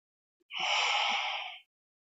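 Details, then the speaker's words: Second puff of a pressurised metered-dose inhaler fired into a spacer during a technique demonstration for asthma/COPD: a single hissing spray of about one second. "so going for the second puff again I'm just going to press it once"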